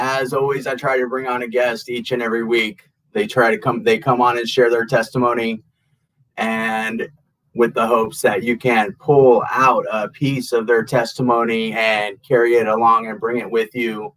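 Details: Adult male speaker; normal adult speech.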